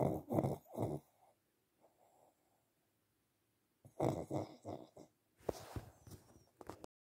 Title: Sleeping pug snoring away